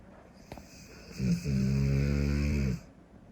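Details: Large Cane Corso dog asleep, snoring: a single long, deep, rattling snore with quiet room noise before and after.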